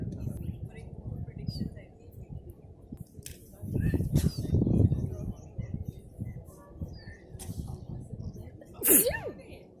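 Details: Muffled rustling and low rumbling with a few brief sharp bursts and one clear sneeze near the end, during sutra neti nasal cleansing; sneezing.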